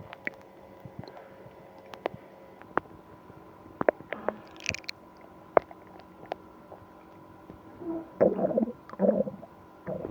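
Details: Stomach pain after eating ice cream: scattered gurgles, clicks and a brief high squeak, then louder bubbling rumbles toward the end: borborygmi (stomach rumbling).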